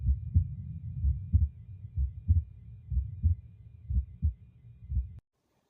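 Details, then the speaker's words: Normal heart sounds for comparison with mitral stenosis: clear paired S1-S2 lub-dub beats at about 60 a minute, regular, with no opening snap, diastolic murmur or other added sounds. "Normal does not have murmurs. or extra sounds as opening snap and diasolic murmur. Now just listen the normal sound."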